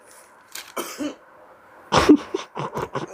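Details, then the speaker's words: A man eating very hot chips (ghost pepper) starts choking and coughing, a run of sharp, harsh coughs with a throat-clearing quality, in a quiet small room. "He says it's good, but then he starts to choke. That's not even funny. Oh yeah, it's really hot. Oh my god. Okay, he's coughing."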